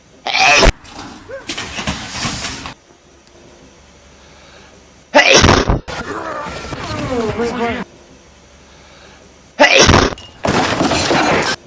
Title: hedgehog sneezed everyone fell